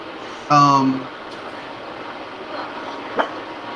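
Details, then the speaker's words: A person on a podcast gives one sneeze, described as sounding wet, amid conversation: sneeze. "hey god bless you that sounds like a wet sneeze too"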